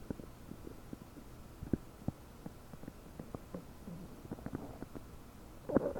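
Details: Borborygmi about 9 hours after eating 30 prunes, recorded with a desktop microphone: frequent bubbling and gurgling gut sounds with short pops and a louder gurgle near the end; abdomen bubbly and bloated.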